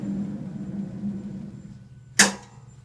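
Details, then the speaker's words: A dental panoramic x-ray unit being switched on during a dental assisting demonstration: a steady low hum, then a sharp clunk as it powers up. "the next thing that we're going to do is we're going to turn this unit on and it's up underneath here we turn this whole unit on [Music] makes a noise like that"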